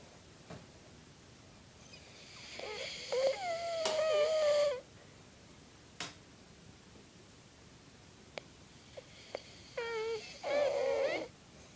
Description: I get a vid of someone snoring